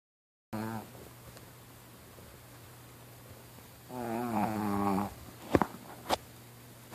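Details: 16-year-old Pekingese dog dressed as a Christmas elf, sleeping: two loud, rattling snores several seconds apart, then a few short clicks and snorts in a quiet room; snoring.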